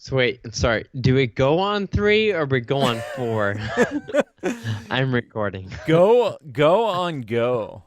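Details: Adult man with Friedreich's ataxia diagnosed at age 25; the condition causes slurred speech that sounds drunk though he is not; ataxic dysarthria.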